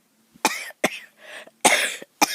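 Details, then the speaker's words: Four short, harsh, somewhat dry coughs in quick succession from an adult talking while filming flowers outdoors; a cough. "maybe I'll just shut up and let this just let the film go but then you're going to hear me coughing"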